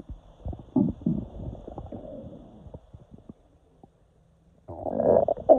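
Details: Gurgling, bubbling abdominal rumbles with a loud burst near the end; active bowel sounds (borborygmi) as air moves through the intestines of a person who woke with intestinal cramps.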